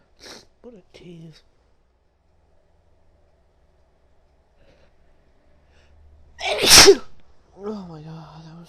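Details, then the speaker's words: Brief vocal sounds, then a loud explosive sneeze and a voiced sigh, from a woman sneezing repeatedly in a series; a single sneeze. "Achoo! Achoo! Oh, I gotta sneeze again."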